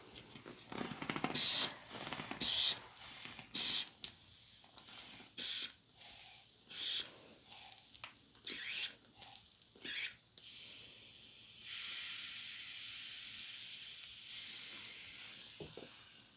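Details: Repeated hissing puffs of air as a blood pressure cuff on the arm is pumped, then a long steady hiss of release on deflation; simulated ASMR head-to-toe medical exam role-play, reading 118 over 78, called normal.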